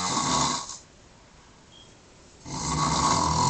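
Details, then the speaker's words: Father snoring at 1:22 in the morning after a night out, though he claims he doesn't snore: loud, harsh, rattling inspiratory snores separated by quiet pauses during sleep; snoring. "1:22 in the morning, and this is the man that doesn't snore."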